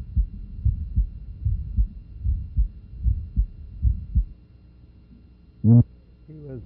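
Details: Regular low heart sounds at about 75 beats a minute with a soft early systolic innocent murmur at the lower left sternal border; brief voice sounds at the end.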